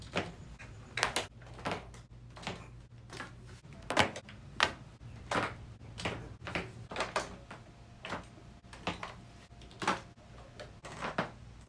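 Repeated sharp cracking pops, each brief and separate, with soft room noise between: joint cavitation sounds during spinal manipulation.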